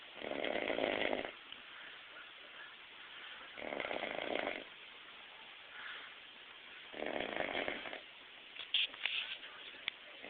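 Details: Snoring from a man napping: regular raspy, rattling breaths about every three seconds, some 20 a minute.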